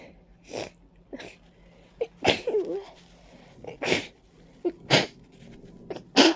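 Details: Person stuffy and congested with runny nose and watering eyes, attributing it to ragweed and dust; five or six loud wet sneezes in quick succession with sniffing between; allergic sneezing.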